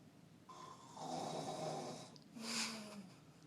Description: Listen closely! Snoring and moaning. Lol.